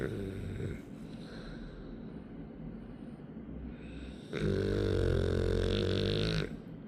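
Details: Dog with low rattling breathing and a loud, sustained buzzing snort near the end; snoring.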